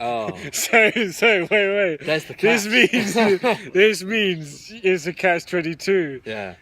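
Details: Adult who stammers, one of the hosts of a stammering podcast, openly disclosing the stammer. Stuttering.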